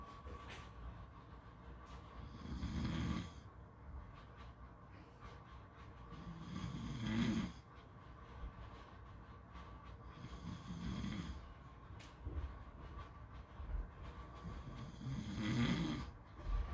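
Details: Four soft, low snores at steady breathing pace, about 14 a minute, with faint beach background noise; ordinary snoring.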